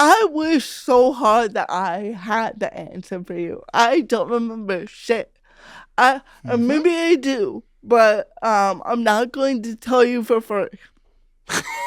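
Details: Real, unscripted speech from a woman comedian who has had cerebral palsy since childhood; her family remarked on her speech when she was about five. Dysarthria due to cerebral palsy.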